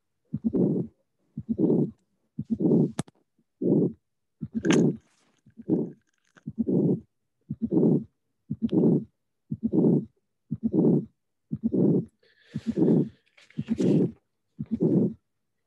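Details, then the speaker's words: Hypertrophic cardiomyopathy: three normal beats, then a fourth heart sound and a harsh blowing murmur confined to mid-late systole as obstruction develops; regular rate near 60 a minute. "In hypertrophic cardiomyopathy, the murmur is systematically confined to late systole, mid-late systole, because the obstruction take times to develop."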